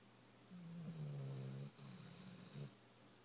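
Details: Sleeper snoring: a low, rattling snore on inhalation, two drawn-out breaths in quiet surroundings; ordinary snoring.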